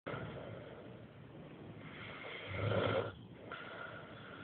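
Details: Sleep snoring, said to occur only when tired: a low, rumbling snore on a long breath in, rising in loudness, then a quiet breath out.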